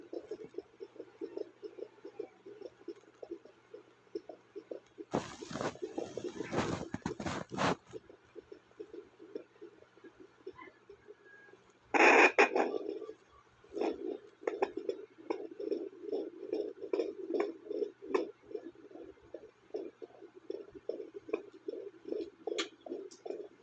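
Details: Fetal heartbeat on Doppler monitoring: rapid, regular whooshing beats interrupted by loud scraping bursts from movement; baby kicked during the recording.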